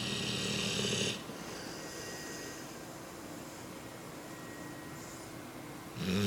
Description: my 10 month old American bandogge Bosko snoring .